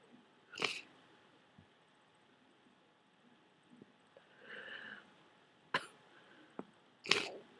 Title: Sneezing with my cold. Warning, THICK snot.